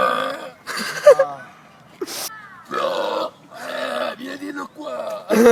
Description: The piggy burp is back!